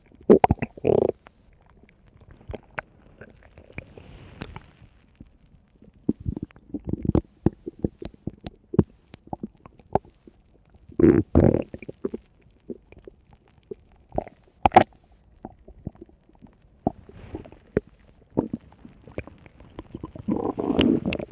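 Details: Irregular gurgling and growling bursts in a quiet room from a tummy; bowel sounds of stomach rumbling.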